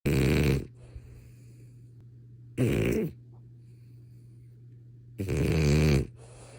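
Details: French Bulldog snoring in sleep: loud, vibrating snores on each breath, with a steady low room hum between them.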